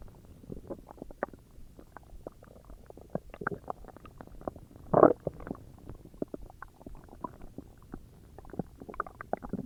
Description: If you have any ideas of what would make my stomach growls better or louder, I’m up for suggestions!